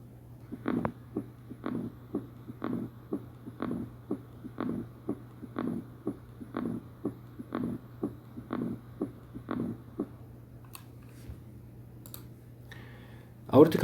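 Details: Mitral stenosis, MRCP cardiovascular exam teaching: regular heartbeat near 75 a minute with low mid-diastolic rumbling murmur after each beat over a steady hum.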